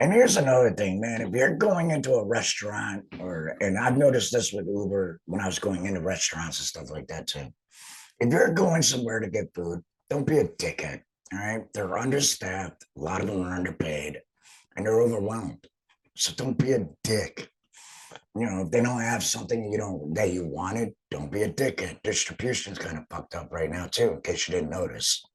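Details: Real adult laryngectomee about two and a half years after total laryngectomy for cancer treated with chemotherapy and radiation. He wears an HME and reports stoma pain from heavy talking. The finding is alaryngeal speech after total laryngectomy.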